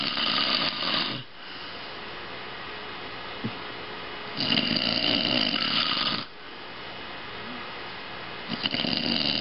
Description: wife takes a video of her husband snoring, because she was listening to some music videos but couldn't hear the music because of the snoring.